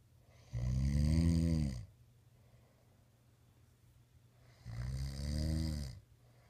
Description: alli wanted to prove that snored sometimes so she did this LOLOL subscribe here for more quickies!!